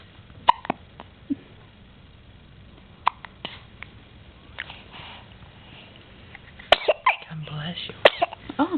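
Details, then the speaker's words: Several short, sharp catching sounds at irregular intervals with adult voices in the background, one hiccup coinciding with a sneeze; hiccups. "cuz I oh my goodness hiccup the same time as you sneeze poor baby got the H up"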